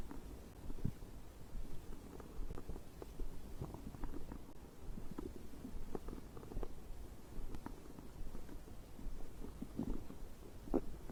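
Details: Stomach growling recorded after drinking a beverage: continuous low gurgling and bubbling with frequent small pops, ordinary digestive bowel sounds.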